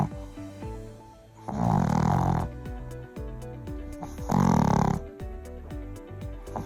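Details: Dog with tracheal collapse and mitral valve insufficiency: two harsh, honking, snort-like bursts over music, typical of a tracheal collapse cough.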